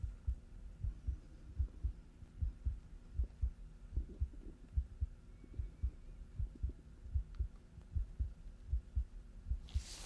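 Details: Heartbeat through a stethoscope over the chest in a simulated hospital role-play: regular low thumping about 78 a minute with faint background hum, before deep breaths; chest sounds clear.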